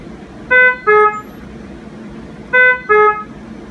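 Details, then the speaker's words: Two pairs of loud two-tone electronic beeps about two seconds apart: an ICU ventilator alarm in CPAP/spontaneous mode, triggered as a respiratory therapist breathing on it took too shallow a breath against tightly set alarm limits. "i was taking too shallow a breath there the vent was letting me know there's alarms on these and these are set really tight so let me raise these a little bit and they won't go off so often"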